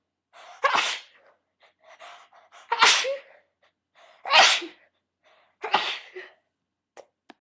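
Four sharp sneezes in quick succession, each with a brief inward breath before it: a rapid sneezing fit.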